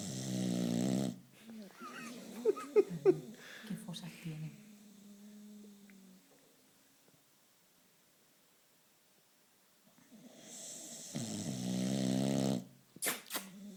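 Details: Boxer dog snoring loudly with rattling, buzzing breaths while napping in an odd posture; a man's voice in between. Snoring.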